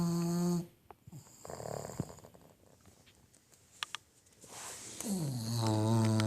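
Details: Pet snoring heavily while asleep with its tongue out: loud, tonal, rumbling snores with a gap of quieter snuffling breaths between them.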